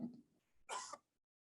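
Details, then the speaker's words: Clean cough recording made away from air-conditioner or other noise: a single sharp cough burst against a quiet background. "so we recorded cough when someone uh is away from any sort of noise air conditioner or anything else"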